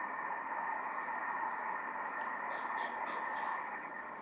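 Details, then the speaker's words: Doppler over the embryo's heart region in a missed miscarriage at 9 weeks, embryo stopped developing at 7 weeks: steady hiss with no rhythmic pulsing, no heartbeat, embryonic demise. "Il n'y a pas de battement de coeur ! [Bruits] Aucun battement de coeur !"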